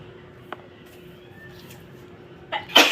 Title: Dusting Sneezes